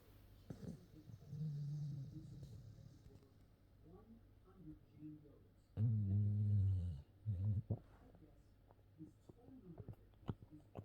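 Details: A sleeping Staffordshire bull terrier gives a few low, rumbling snores separated by quiet breathing; dog snoring.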